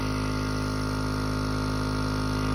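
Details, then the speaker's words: Penguin pediatric compressor nebulizer used for a child, switched on: a steady, fairly loud motor hum with a fast regular buzz and no pauses; a compressor nebulizer running normally. "i'm gonna turn it on that's what it sounds like i mean it is a little loud and like i said the air just comes right up through here"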